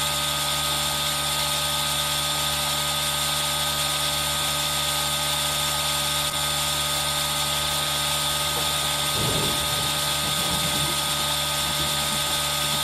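Steady mechanical whine and hiss of a running nebulizer compressor, with rain-like noise mixed in.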